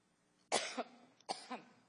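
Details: Two harsh, dry coughs in quick succession from an adult woman testifying at a congressional hearing, part of a coughing fit; she then says she'll grab a lozenge.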